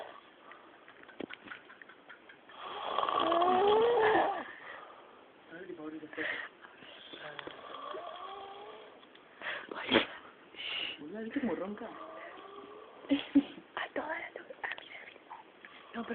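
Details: Person snoring: one long, loud, rattling snore, then irregular snorts and sniffs, with people talking in the background.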